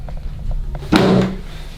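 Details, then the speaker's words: Chiropractic drop table during a hip adjustment on a soccer player: a single loud thud as the table section drops under a light push, with soft room noise. "so i'm going to just introduce a motion to that and get that moving you're going to feel the table drop like that sounds loud okay but it's just a light push down here"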